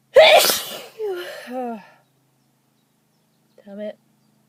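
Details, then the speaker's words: Sharp explosive sneeze after repeatedly trying to hold back sneezes, followed by short voiced sounds and a brief utterance; sneeze. "I'm not going to sneeze. I'm not going to sneeze. No. No. No. No. No."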